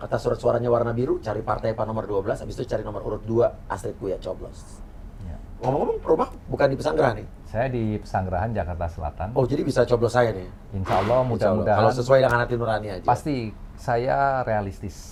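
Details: Adult men in conversation; ordinary conversational speech.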